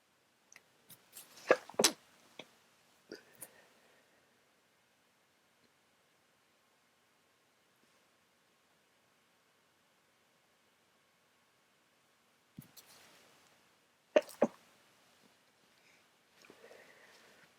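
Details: Person sneezing right after waking, with a heavy chest and sore throat, who suspects a cold is coming: two clusters of abrupt, explosive sneezes separated by quiet.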